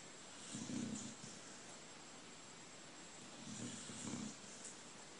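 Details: Old dog asleep and dreaming, feet moving, having barked in its sleep just before: low, soft, rumbling snores a few seconds apart over a steady background hiss: snoring.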